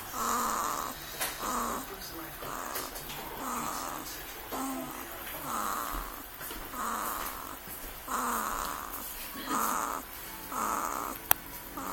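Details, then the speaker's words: 2-week-old baby girl snoring in a quiet room: soft, rapid, rattly snoring noises with each breath, roughly 25 breaths a minute. "She snores like her daddy."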